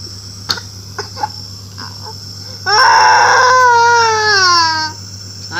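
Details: Child with cough, flu and dengue fever crying: sustained, tonal wailing cry over a steady machine hum, with a few soft sounds before it.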